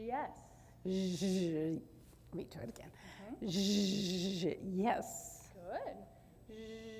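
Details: Adult woman with mixed adductor and abductor spasmodic dysphonia for about thirty years, Botox-treated with only partial relief, currently has a cold; mixed spasmodic dysphonia.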